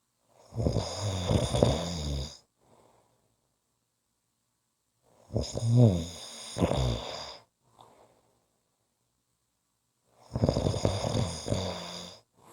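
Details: Snoring audio clip: three loud, rattling snores about five seconds apart, roughly 12 breaths a minute, with silent pauses between.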